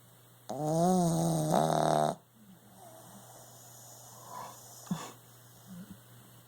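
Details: A sleeping puppy, described as a heavy sleeper, gives one loud, tonal, wheezy snore, followed by quieter breathing and small snuffles; puppy snoring.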